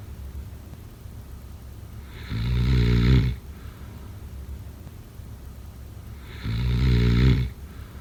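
Two loud, low, rattling inhaled snores about four seconds apart over steady room hiss; ordinary snoring, roughly 14 breaths a minute.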